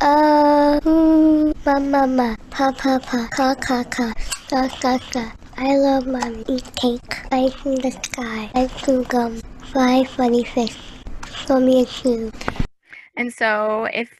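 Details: Child with cleft-related velopharyngeal mislearning whose palate closes fully for all sounds except /s/, where it opens wide so air escapes nasally, a nasal fricative error; phoneme-specific nasal air emission.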